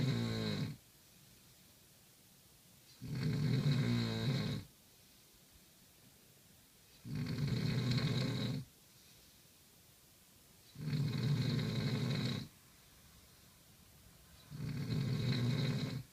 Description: More serious snores